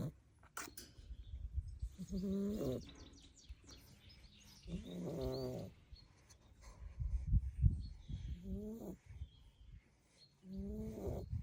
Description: Staffy puppy Zeus played so hard today when he finally fell asleep he threw out the most amazing snoring 😴 🐾🐾🐾